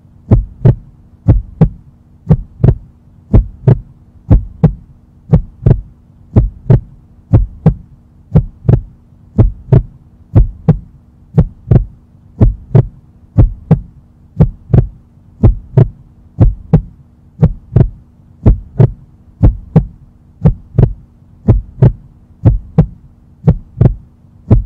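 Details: Normal heartbeat sound effect: steady, regular paired heart thumps at about 60 beats a minute over a low background hum.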